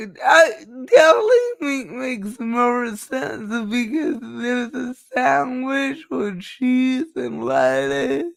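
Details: Dysarthria in a woman who says it is due to her cerebral palsy and that nothing can be done about it.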